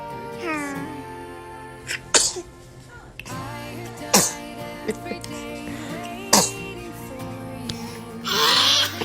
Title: Adorable moments of babies sneezing #foryou #cute #baby